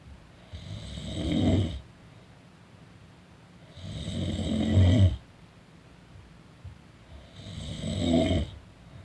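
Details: Person snoring during a nap: three regular, rough, fluttering rattling snores on breathing in, about 18 breaths a minute, with quiet pauses between; ordinary snoring.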